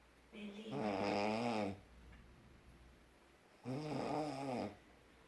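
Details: Snoring: two long, rattling, voiced snores on breathing in, with quiet breathing between them.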